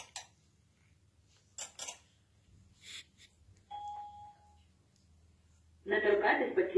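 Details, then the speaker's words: Saver One automatic external defibrillator in a training demonstration: after electrodes are placed on the right and lower left chest, a steady alert tone sounds, then a voice prompt begins heart-rhythm analysis, detects an adult patient with adult electrodes, and asks not to touch the patient. "Визначає, що у нас пацієнт дорослий, використовуються дорослі електроди. Просить не торкатись до пацієнта."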